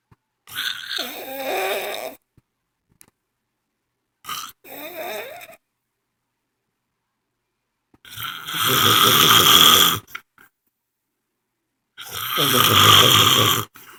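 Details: Adult woman snoring during sleep: four loud, harsh breathing noises about 16 a minute, separated by quiet gaps, the later ones rough and rattling; snoring.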